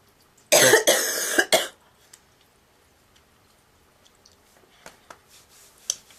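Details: Girl's loud burst of three harsh, honking goose-like coughs, followed by quiet breathing and small noises; honking cough.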